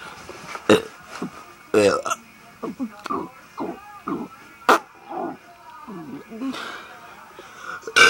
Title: Burping contest #6 (official)